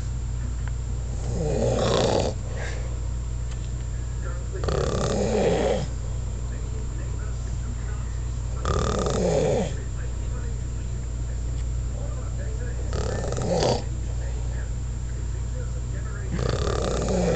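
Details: Heavy snoring in a sleeping man on a school trip: loud, rough snores roughly 15 a minute over a steady low hum.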